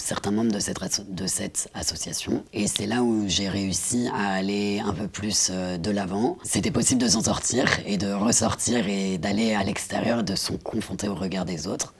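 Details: Woman diagnosed at 22 with left vocal cord cancer, four years after partial laryngectomy removing half the larynx including the vocal cords, speaking with other muscles; substitute voice after partial laryngectomy.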